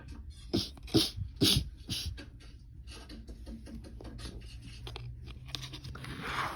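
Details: Four short, sharp coughs in quick succession, then quiet room noise with faint clicks.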